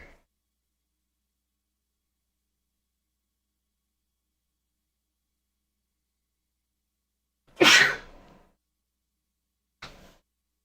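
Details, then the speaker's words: Single sneeze from an adult streaming a live Eurorack modular synth session, caught on the audio as predicted, followed by laughter. "Guess what's going to be in the in the thing now is my sneeze. See if we can hear it."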